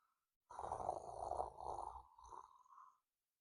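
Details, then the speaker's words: Man snoring at home, filmed by his wife: long, rough, rattling breath with a shorter follow-on rumble, loud snoring. "Stop snoring now. I am not snoring."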